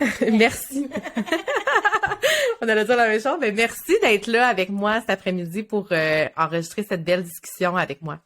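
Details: Adult woman speaking French; typical speech.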